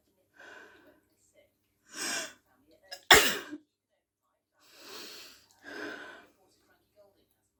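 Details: Female sneezing induced by chhinkni sneezing powder: breathy build-up gasps, then a sharp, explosive sneeze burst followed by further sneeze-like bursts.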